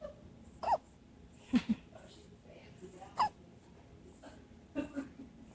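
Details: Hiccups: repeated short, abrupt voiced catches about one to one and a half seconds apart, five or so in a row.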